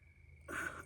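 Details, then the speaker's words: Single breath with a faint high whistling wheeze from a person who had a third of a lung removed at age 11 after punctures from an accident and keeps an inhaler; wheezing. "wheezing it's just my breath um when I was 11 uh they had to remove a third of my lung because my lung had some punctures in it from an accident"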